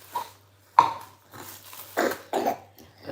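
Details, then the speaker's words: Cough in a child who has a cold: a short run of about four abrupt coughs with brief quiet gaps, in a quiet indoor room. "We're a little bit sick. As you can hear, already coughing."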